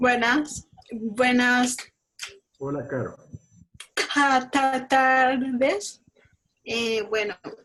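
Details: Child or young speaker, Spanish; speech.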